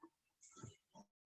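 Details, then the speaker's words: A dog snoring in a small room during a recorded lecture: a faint, low, rough snorting breath with a short fluttering tail. "2.5 enter my dog is snoring um if you hear the dog it's if you hear snoring it's the dog"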